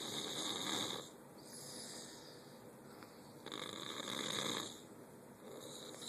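Repeated rasping snores, about two in six seconds, with quieter breaths between them.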